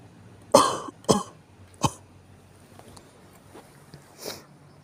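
Three coughs close together, then a fainter throat-clearing sound; a morning cough in quiet room noise.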